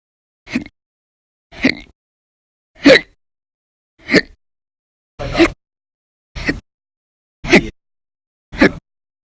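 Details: Audio-only recording of violent, very loud persistent hiccups, in daily bouts lasting about 10–13 hours in December 2019: eight short abrupt gulping bursts separated by silence, about 48 a minute.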